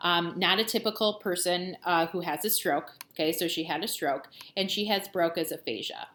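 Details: Adult woman; normal speech.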